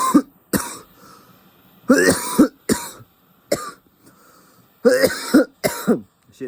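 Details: Adult taking a cannabis blinker hit, then a rapid fit of about eight harsh, explosive coughs, throat hurting afterward; cough after smoke inhalation.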